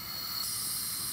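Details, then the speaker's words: ER nebulizer setup for a breathing treatment with a mouthpiece, run off wall oxygen at six liters, top turned so it nebulizes on its own: steady high-pitched continuous misting hiss; nebulizer running. "let me hook it up to the wall here we run at six liters six liters so then when you suck in it will nebulize"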